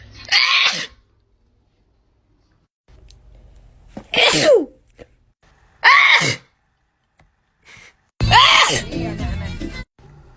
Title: TikTok Sneezing 25